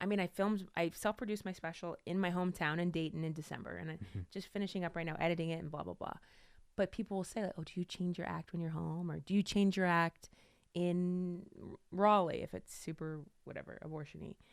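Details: Adult woman speaking; normal speech.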